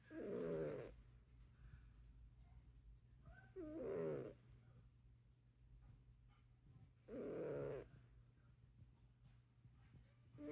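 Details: Cat snoring: three loud rattling snores about three and a half seconds apart (about 17 a minute) with quiet hum between.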